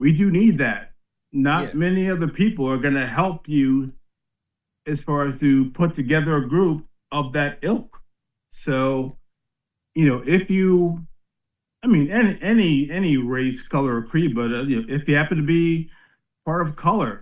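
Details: 56-year-old man with aphasia after a 2013 ischemic stroke at the back of the brain affecting balance, strength and speech; words unintelligible at onset, still impaired twelve years later, volume and enunciation dropping late in the day with some slurring; aphasia.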